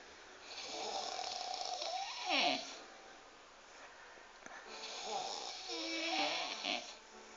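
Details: Big Romanian man snoring like a pig: two long, loud, whistling and rasping snores on breaths in, separated by a quieter pause; snoring.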